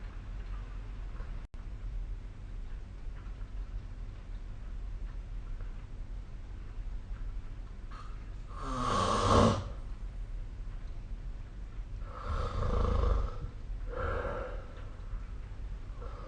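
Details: Loud rasping snores on a few breaths during sleep in a quiet room with a ticking clock; snoring recording, 2025/05/25, likely captured with the SnoreLab snoring app.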